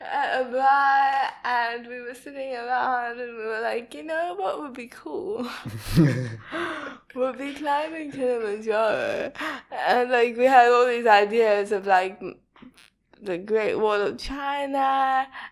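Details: Dysarthria in a young woman with cerebral palsy diagnosed at 11 months old; she says her speech is not very clear.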